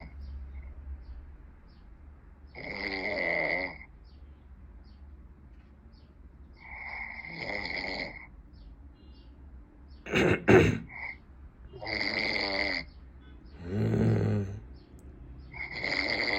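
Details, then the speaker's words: Man snoring loudly while others call him and joke that he answers through his snoring: loud rattling snores recurring with breaths, about 17 a minute, with a brief burst of voices partway through. "لا ترجم لكم. يحكي بالشخير. يقول لي ولي."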